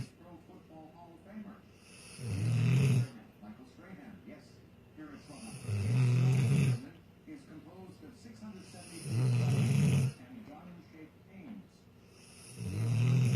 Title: Rottweiler sleeping like a little snoring Angel!